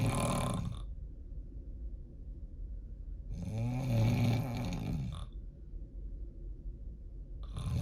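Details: Loud, deep rumbling breaths likened to a diesel truck, about every four seconds (roughly 15 a minute), with a harsh rattle on each in-breath: heavy snoring.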